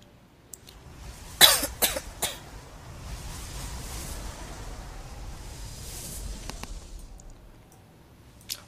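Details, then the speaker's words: Short cluster of three or four loose coughs, then quiet room noise, from a sick adult male commentator who coughs repeatedly. "And here we are, so that's why you will hear me coughing all the time, and that's about it."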